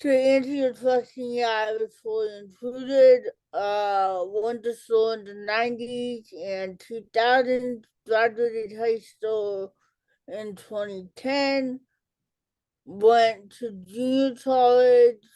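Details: Adult woman with cerebral palsy, speech delay in childhood treated with intervention, self-described as talking differently and possibly hard to understand; dysarthria (cerebral palsy).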